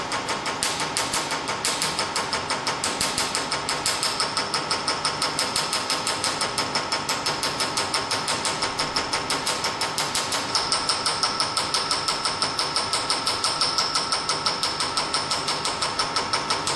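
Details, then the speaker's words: Q-switched Nd:YAG laser carbon peel on the whole face, fired by foot pedal after the energy and frequency are set: steady rapid snapping pulses, about three per second, over a constant hum; laser firing. "then we see we have a red light 2.0 where the laser is and then I applied the foot pedal"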